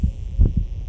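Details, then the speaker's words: Low heart thumps from a dog's chest with grade 4/6 crescendo-decrescendo murmur heard both left and right, louder on right due to seen defects, with irregular rhythm (arrhythmia). "No on this side the right side must intense sound. Why? Because of the defects that was seen a while ago."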